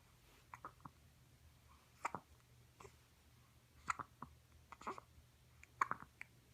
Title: Poot and Hiccups - That's how I roll